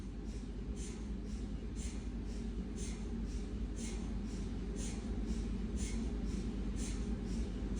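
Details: Siemens MAGNETOM Lumina 3 T MRI scanner running an abdominal sequence: a low steady rumble with rapid, soft rhythmic chirps of gradient noise; MRI scanner noise.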